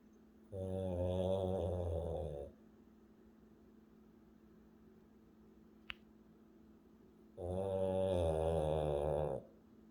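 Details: A sleeping Frenchy (French bulldog) snoring: two long, buzzing, vibrating snores several seconds apart with quiet between them.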